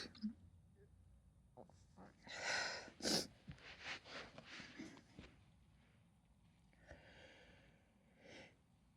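Several forceful sneezes in quick succession with noisy breaths between, a sneezing fit.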